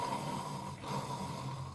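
Loud, rough snoring-like breath noise, an imitation of snoring as the airway narrows.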